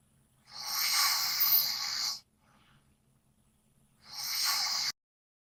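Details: Two long, hissing, airy breaths through a narrowed airway with little low rumble, loud breathy snoring.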